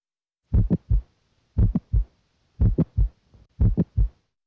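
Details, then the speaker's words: Heart auscultation with stethoscope diaphragm at the apex: slow regular heartbeat with a short, high-pitched extra click early in systole between S1 and S2; midsystolic click from mitral valve prolapse. "you may hear a midsystolic click early in syy this short high-pitched abnormal sound results from mitro valve prolapse and is best heard with the diaphragm at the Apex"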